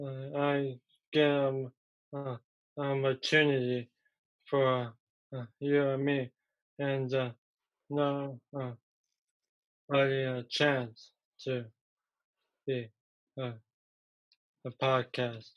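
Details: Young man, three years after a stroke at age 15 from a ruptured arteriovenous malformation that caused a coma; trouble getting words out, not understanding: non-fluent aphasia.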